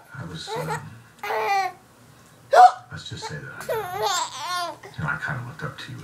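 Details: A person giggling with hiccups: the laughter is broken by a few abrupt, sharp hiccup catches.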